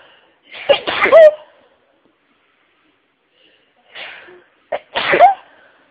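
Two loud explosive sneezes, each with a short intake before it: repeated sneezing in a sneezing fit.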